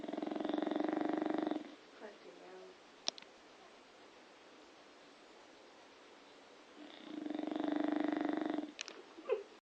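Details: Bulldog snoring: long, loud, buzzing snores of about two seconds each with quiet pauses between, typical of a flat-faced dog.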